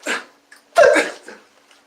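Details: Vocal tic in a male with Tourette syndrome with multiple symptoms, including vocal tics; he calls this tic sound 'Rex'.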